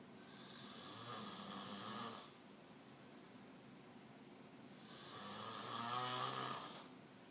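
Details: Snoring that keeps someone nearby from sleeping: two long, buzzing, fluttering snores on inhalation, separated by a quiet pause; typical snoring.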